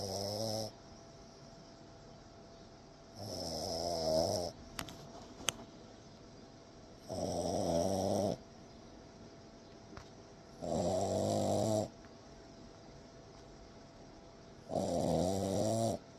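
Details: Sleeping French bulldog: loud rattling snores on each in-breath, about 16 a minute, with quiet pauses between; snoring.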